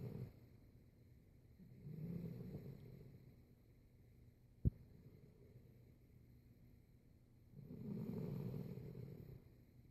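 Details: Two low, rumbling snores about six seconds apart with quiet pauses between and a sharp click midway; ordinary snoring.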